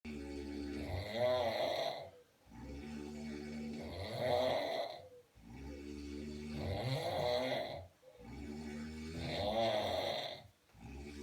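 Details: Two men snoring: loud, deep, rattling snores with each breath in, about 21 breaths a minute, with quiet gaps between them.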